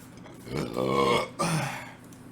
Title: Burping Compilation #1